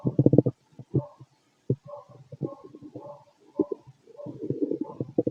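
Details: Low gurgling and rumbling bursts with short pauses: active bowel sounds (stomach growling) from a fit adult male, heard through a stethoscope on the abdomen.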